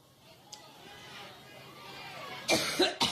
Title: suffers debilitating coughing fit in Ohio